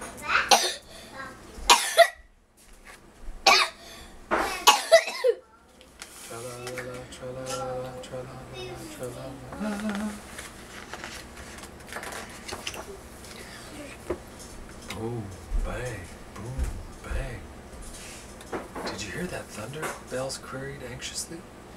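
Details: A child coughs several sharp times, then an adult reads a story aloud over soft background music.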